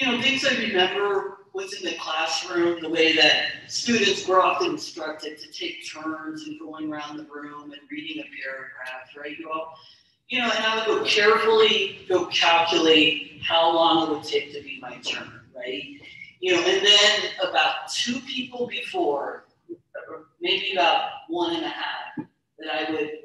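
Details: Stuttering in an adult woman, a keynote speaker at a stuttering convention, speaking about her own stuttering; stuttering.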